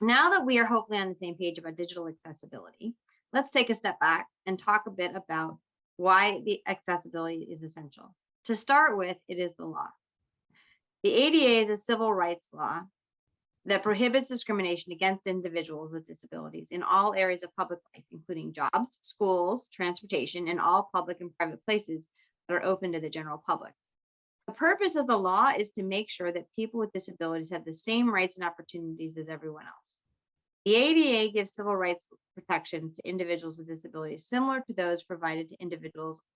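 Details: Adult woman speaking; typical speech.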